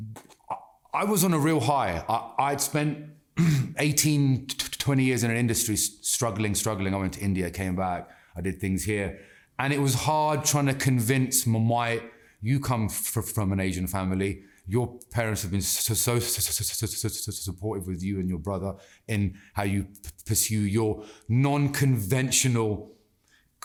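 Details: Adult man who has stammered since childhood, persisting into adulthood; anxiety and stress make speaking harder, and slowing down and taking a breath helps him control it; stammering (stuttering).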